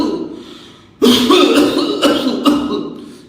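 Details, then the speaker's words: Doctor's imitated cough: deep inhalation, then three to four large cough bursts, the pattern of an irritant focus in medium-size airways, such as bronchial asthma. "so this is the charactertics features of medium siiz Airway obstruction or Med or irritant FY located in medium size a for example in case of bronal Asa"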